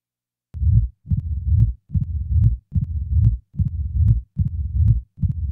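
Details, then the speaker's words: Simulated mitral stenosis heart sounds at about 70 a minute: loud first sound, low-pitched rumbling mid-diastolic murmur with presystolic accentuation building before S1, then an opening snap added; early diastolic portion removed, leaving only the presystolic murmur. "now a pre systolic accentuation is added followed by an addition of an opening snap now the early portion of the diastolic murmur will be eliminated leaving only the pre systolic portion"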